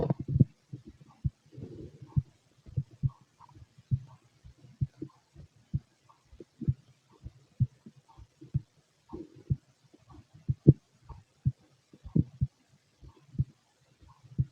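Steady, regular low thumps of a heartbeat, with a few soft gurgling stomach sounds in between.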